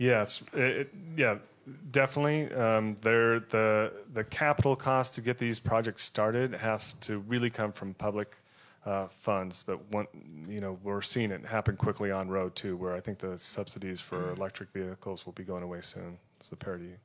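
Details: Adult male speaker; Normal speech.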